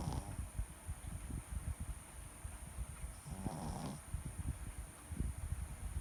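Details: Sleeping Shih Tzu dog: soft, low, rumbling breathing noises with faint snorts over steady background hiss; light snoring.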